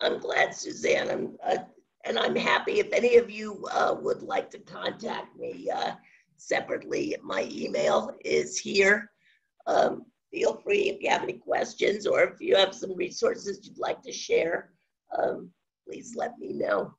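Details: Adult woman with spasmodic dysphonia since around 2010, progressively worsening, no cure; awaiting a postponed Botox injection. Scratchy voice; spasmodic dysphonia.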